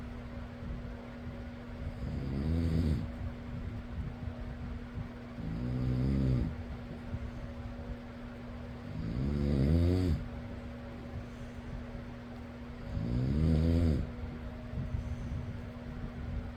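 Four rattling inhaled snores, about 16 breaths a minute, over a steady fan hum.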